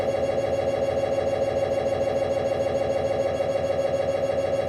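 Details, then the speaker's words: MRI scanner noise from a fast EPI-type sequence, likened to a jackhammer: loud, steady buzzing drone with rapid regular knocking from the gradient coils, loud enough to need hearing protection. "For those who might have not been on an MRI scanner, I would like to give you kind of an experience, a tip of how the sound looks like."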